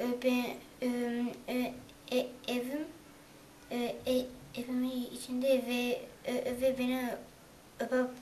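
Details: Stuttering in a 9-year-old boy from Switzerland who is attending stuttering therapy; Turkish speech.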